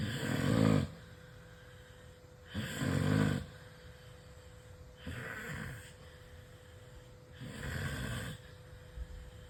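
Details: Loud human snoring: rattling snores with each breath in, about four in under ten seconds, with a faint steady hum in the background.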